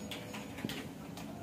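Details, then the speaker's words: Fetal heartbeat on ultrasound Doppler at 8 weeks 6 days of pregnancy, mother reporting pain: rapid, regular swishing pulses at 160 beats per minute, judged fine. "শুনতে পাচ্ছেন এটা শব্দ এটাই কিন্তু বাবুর হার্টবিট এবং আপনার বাবুর হার্টবিট এসেছে 160 তার মানে আলহামদুলিল্লাহ ভালোই"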